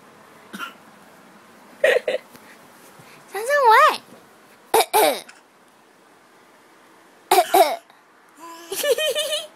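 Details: Infant almost 8 months old, asked to imitate a cough: short, breathy imitation coughs between babbling sounds. A playful voluntary, fake cough.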